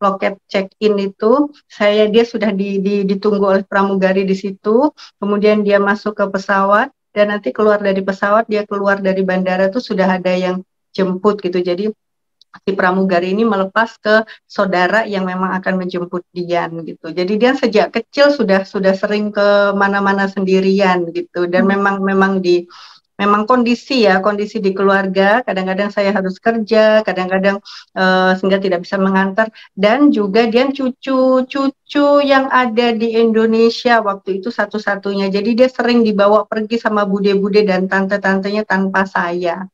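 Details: Adult woman speaking Indonesian; typical speech.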